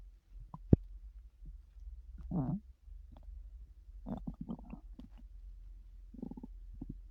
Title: loud stomach noises lol